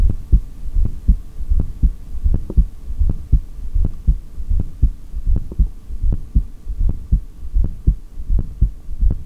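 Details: Heartbeat recorded through a stethoscope during a record exhaled breath-hold lasting 3 minutes 17 seconds, in a single unedited take that also picks up stomach growls.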